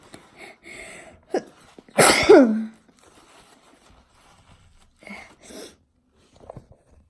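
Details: Deliberately forced sneeze: one loud, explosive sneeze with a voiced tail, with softer breaths and sounds around it.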